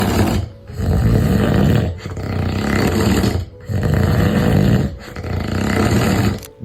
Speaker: videoda sadece horlayan birini görüyoruz gibi duruyor ama aslında bu tablo uyku apnesi dediğimiz ciddi bir durumu düşündürür.